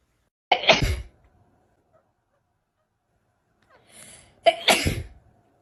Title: Sneezing in front of the cat#funnycats #funnyanimals #petvideos #cat #fyp #usa #longervideos